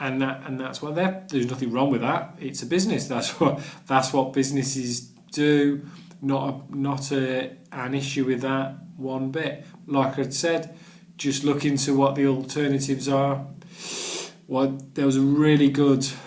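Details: Adult man who stammers and has done the Starfish Project stammering course, with word and phrase repetitions; stuttering.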